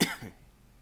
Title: Starting off 2018 with Thanks and some coughs